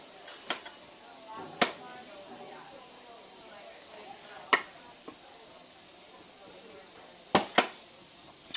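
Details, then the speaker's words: Servo-i ventilator running its pre-use device and circuit check, not connected to oxygen: steady high hiss with occasional sharp valve clicks and puffs as it pneumatically powers the circuit and internal components. "you can hear it going through its checks pneumatically powering the circuit and internal components as it goes"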